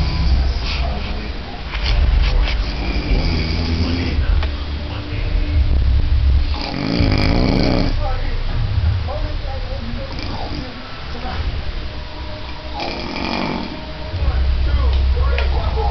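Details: Heavy snoring in an adult man asleep after going about 32 hours without sleep: loud, low, rumbling snores recurring with brief quieter pauses and faint background noise.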